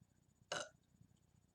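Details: A single short throaty burp against quiet room noise, recorded during casual chatting.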